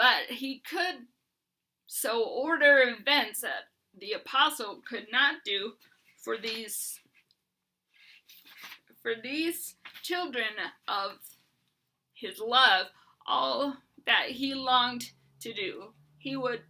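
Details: Adult woman with Huntington's disease who uses a bed setup to prevent falls and is getting a service dog; Huntington's disease dysarthria.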